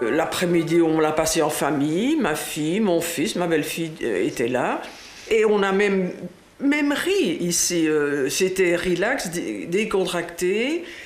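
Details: Adult speaker, French; normal speech.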